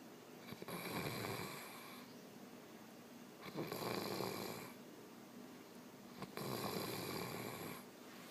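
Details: Man asleep in Boracay: three rough, rattling snores on inhaled breaths about every 2.8 seconds, roughly 21 breaths a minute, with quiet exhalations between.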